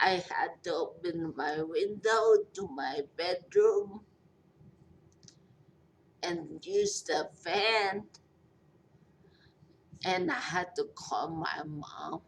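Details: Post-stroke speech impairment in a 43-year-old woman after a major stroke with a long recovery; she says she is hard to understand.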